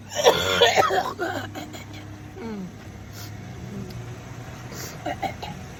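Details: Coughing episode in a CVS store, voice still hoarse: a burst of several harsh, rapid coughs, then throat clearing and quieter breathing.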